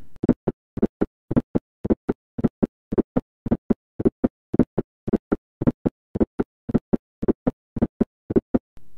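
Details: Teaching recording on heart sounds: atrial (S4) gallop, an extra sound before the first heart sound.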